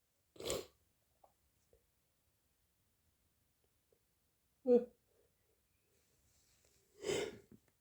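Three separate sharp, explosive bursts with quiet between them: repeated sneezing, typical of hay fever.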